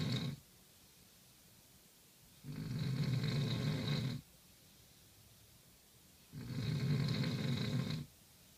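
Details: Two long, loud, rumbling snores on breathing in, each about two seconds, separated by quiet pauses; heavy snoring.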